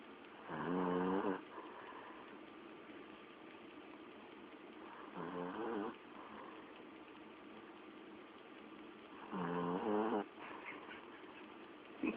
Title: Dog Snoring